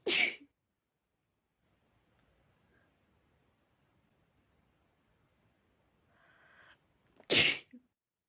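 Two brief, sharp, hissing sneezes separated by near silence.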